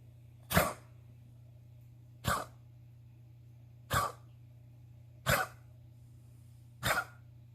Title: just can't stop coughing